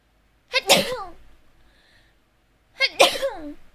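Two high-pitched sneezes, each a quick voiced intake followed by a sharp explosive burst, with a brief quiet gap between them.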